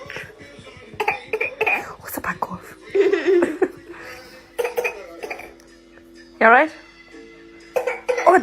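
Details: A baby girl makes small, brief voluntary fake coughs in play to prank her mom, with an adult voice and music.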